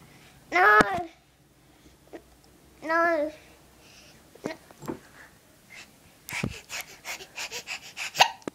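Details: Baby boy with hiccups: short, abrupt hiccup sounds scattered among coos and small cries.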